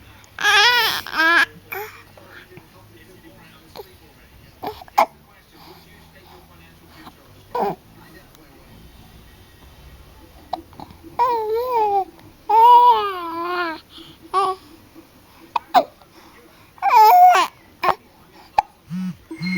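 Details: Infant during tummy time with hiccups: short bursts of fussing and crying with babbling between, in a quiet room.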